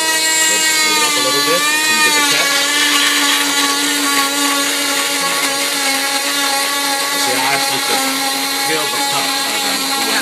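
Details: Oscillating saw cutting off a full-leg plaster cast six weeks after patellar tendon reattachment surgery: steady high-pitched motor whine with grinding buzz.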